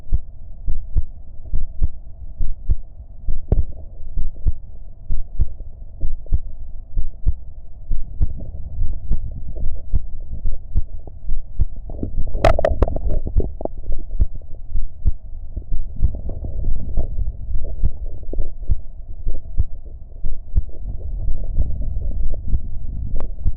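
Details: Self-recorded heartbeat during a short breath-hold: steady soft heart thumps at about 68 beats a minute with a low hum and one brief knock midway.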